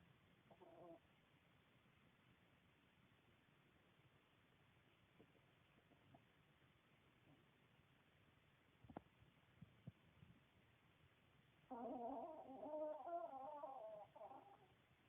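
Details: Sleeping dog snoring like a turkey in a dark room: quiet stretch, then a burst of gobbling, fluttering, honking snore.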